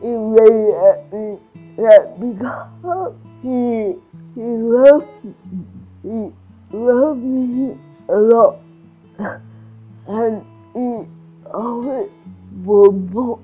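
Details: Adult woman in Singapore with cerebral palsy, with slurred speech and restricted movements; dysarthria due to cerebral palsy.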